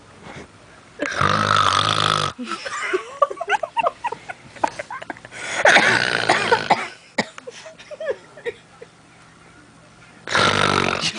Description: liddo bad ass free snoring